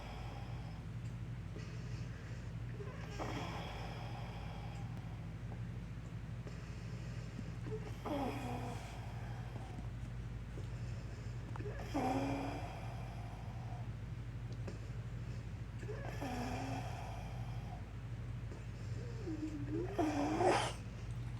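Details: A pet is wheezing and having trouble breathing in the morning, with noisy, effortful breaths, some whistling, roughly every four seconds; wheezing with labored breathing.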